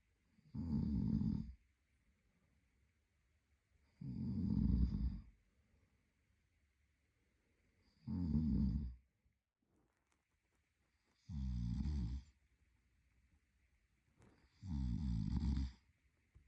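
Five loud, rattling snores, one with each breath in, about 17 a minute, separated by quiet pauses; ordinary sleep snoring.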